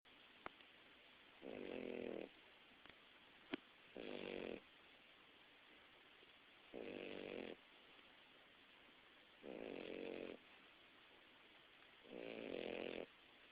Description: Bacon snoring when he was a baby.